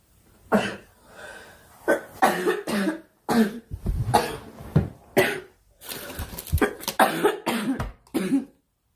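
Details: About a dozen short, moist coughs in bursts with brief pauses from a girl who says she is ill, in a small room; repeated coughing.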